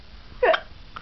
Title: Hiccup